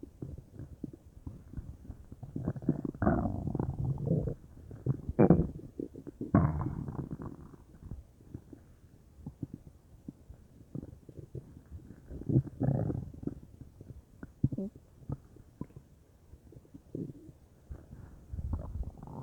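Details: Bowel sounds (borborygmi); the person was unsure whether they came from stomach or intestines, with the whole belly feeling bubbly: irregular gurgling, bubbling and rumbling belly noises in quiet surroundings.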